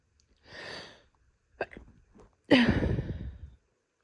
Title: Stifling pregnancy sneezes (F)